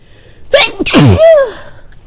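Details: A quick indrawn breath, then a single loud, forceful explosive sneeze with a voiced tail; one sneeze.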